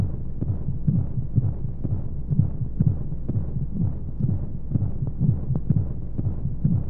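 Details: Womb-sound sleep aid for babies: muffled rhythmic whooshing heartbeat thumps at about 125 a minute over a steady low rumble of flowing noise, like a heartbeat heard inside the womb, with white noise; heartbeat.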